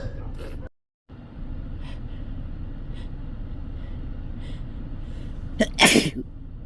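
A sharp in-breath, then one loud, explosive sneeze over steady background hum.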